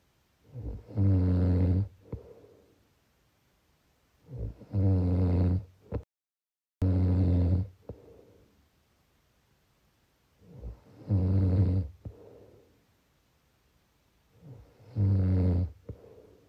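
Loud, low, rattling snores on each breath in, about 16 a minute, with quieter breaths out between; snoring.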